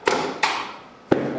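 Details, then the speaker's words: Manual chiropractic drop table in a patient with years of back pain and sciatica: three sharp thuds during a lower back (lumbar) adjustment, each ringing briefly before fading. "so now I'm going to do the drop technique okay so you've seen this in all videos good so both Dr Johnson and Dr Aaliyah have an airdrop table mine's the manual drop table I happen to really like that drop"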